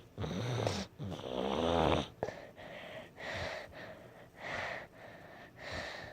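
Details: Sick, congested sleeper snoring with a stuffy nose, snores interrupted by mouth breathing; rough, rattly, snorting breaths about every second, a relatively quiet moment: congested snoring.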